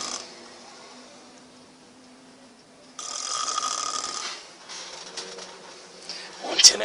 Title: [Serbian Ep. 1] | | Jackhammer Snoring